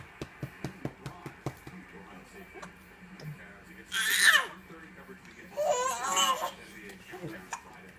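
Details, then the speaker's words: Hiccups getting in the way of laughing, likened to a little puppy dog: a run of short, sharp, regular hiccup jerks, then two louder laughing or squealing bursts. "out the hiccups are getting in the way [Laughter] OB she can't laugh in my hiccup all right all right sound like a little pu sound like a little puppy dog"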